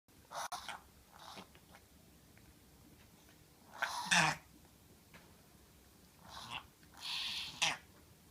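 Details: Reverse sneezing in a Chihuahua: repeated snorting, honking inward breaths in bursts; a vet who reviewed the video said it needs no treatment and is not a concern.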